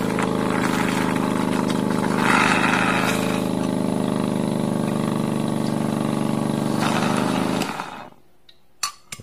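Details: Impact 326M portable surgical suction pump aspirator for veterinary use, with an interval mode of 10 seconds suction and 10 seconds rest: steady loud motor drone with rapid pulsing for several seconds, then shutting off to near silence with a few clicks.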